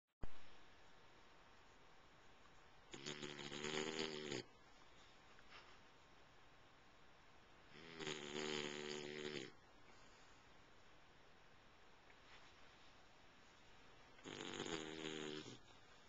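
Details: Snoring recorded with a Flip Video camcorder: three buzzing, rattling snores about every five to six seconds, roughly eleven breaths a minute, over steady background hiss.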